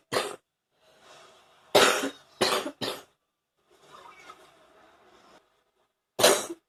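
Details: Still coughing up morning phlegm: five harsh, loose coughs with noisy breathing and throat sounds between them, a productive cough.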